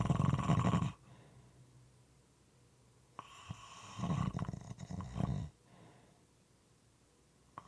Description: This is a 5 1/2 minute clip moist and sometimes irregular snoring.